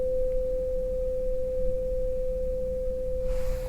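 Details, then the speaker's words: Rinne test on a real person: tuning fork struck and placed on the mastoid process, then brought forward, comparing bone and air conduction. Pure, steady ringing tone. Earlier Weber test lateralized to the left; the other ear is called affected. "So now I'm going to do the Renee test, and I'm going to strike the tuning fork, place it on your mastoid process, and then bring it forward."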